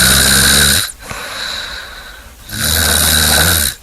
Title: Snoring compilation 109